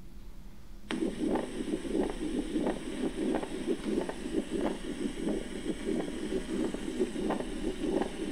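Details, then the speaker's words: Pericardial friction rub in a cardiac auscultation teaching recording. The rub sounds like leather pieces squeaking as they rub together. It is best heard with the patient leaning forward or on hands and knees, breath held in expiration. "The rub sounds like pieces of leather squeaking as they are rubbed together. Rubs are best heard with the patient leaning forward or on hands and knees with breath held in expiration. Let's try to hear pericardial friction rub."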